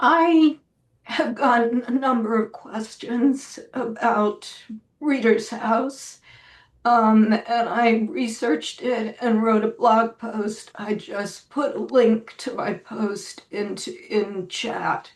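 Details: Woman with spasmodic dysphonia, self-reported; severity varies from day to day and she says this recording is on a not particularly good day; real, not acted; spasmodic dysphonia.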